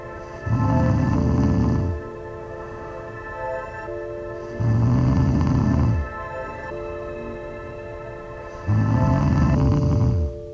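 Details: Three loud, rough snores about four seconds apart over steady background music; snoring.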